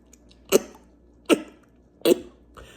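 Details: An adult congested for several days with a runny nose, sneezing, itchy throat and neck pain, while inhaling heated menthol: three short, dry, hacking coughs and a fainter fourth, like clearing an irritated throat.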